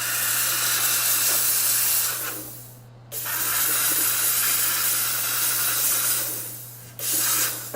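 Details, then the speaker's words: Steam cleaner on a Hawley orthodontic appliance with anterior finger springs for diastema closure, after pumice polishing: a loud steady hissing steam jet in two long bursts with a short pause. "now I'm going to rinse this off try to get all that pmus off and steam"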